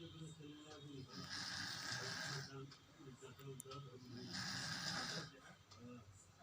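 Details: Young son sleeping and snoring while he has a cold and cough; snoring.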